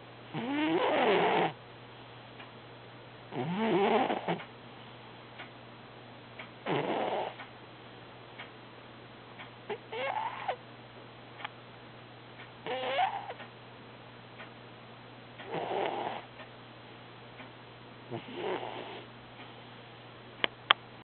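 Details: Cat snoring during an active dream: soft, buzzing snores with a slight whistle, seven in about 20 seconds at a regular resting breathing rhythm.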